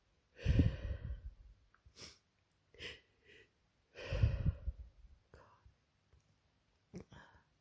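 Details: Sneezing during a cold with sore throat, runny nose and heavy congestion: two forceful, wet-sounding sneeze bursts with sniffles and soft breaths between.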